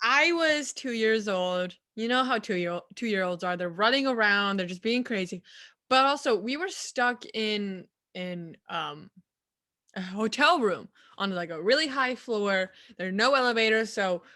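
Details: Adult woman; typical speech.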